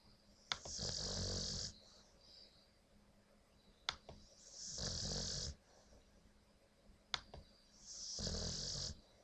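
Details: Very tired dog, the family's newest member, snoring during sleep and also passing gas: harsh, hissing snores with a snort at the start of each breath, about eighteen breaths a minute.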